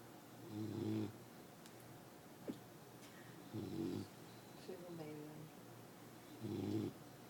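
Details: Sleeping on a couch and snoring: three rough, buzzing snores on inhalation, roughly 20 breaths a minute, with a soft wheezy tone between them.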